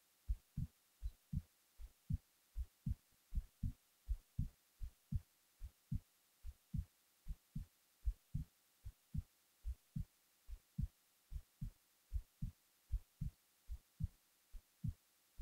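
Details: Resting heartbeat recorded while the person was falling asleep: steady, clear paired beats at about 77 a minute over a quiet background; normal heart sounds.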